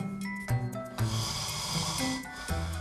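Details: Adult man who snores, recorded sleeping, later diagnosed by polysomnography with severe obstructive sleep apnea (apnea-hypopnea index 51.75); snoring.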